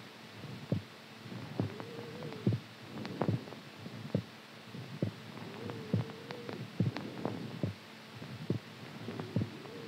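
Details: Soft low heart thumps about 69 per minute with faint hum and extra background noises; heartbeat.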